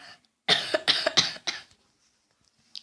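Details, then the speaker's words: Woman vlogger who fell ill two days earlier with cough, runny nose and fever: a run of four harsh, forceful coughs in quick succession, then quiet. "Кашель, насморк, температура."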